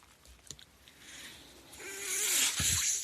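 Rising rush of airy hiss with a faint hum, then a brief thud, from a mechanical ventilator delivering a breath between a speaker's phrases.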